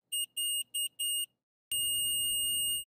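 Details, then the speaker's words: Omnipod DASH tubeless insulin pump, with the Pod and PDM signalling that something needs attention: four short high-pitched beeps, then a sustained continuous tone; an insulin pump alarm. "the omnipod dash system has several ways to notify you if something needs your attention or action the pod and pdm get your attention with beeps or a continuous tone"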